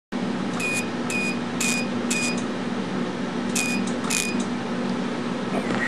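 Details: Steady laser machine hum with repeated short bursts of high crackling clicks during CO2 fractional resurfacing around the eyes; CO2 fractional laser in operation.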